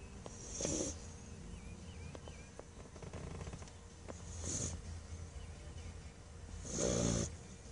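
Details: Blue Tick Coonhound sleeping after a hard day playing at the park, snoring: three loud, noisy breaths about three seconds apart over steady low room noise.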